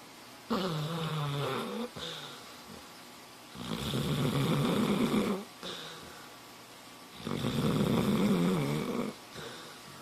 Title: Когда собака храпит громче хозяина